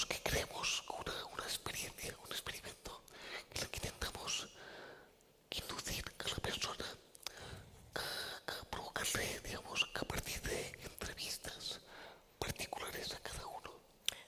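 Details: Man with the neurological disease dystonia, which in his case impairs control of his neck movements and can affect other body parts; he speaks without voice tone, in a whisper: whispered speech (aphonia) from dystonia.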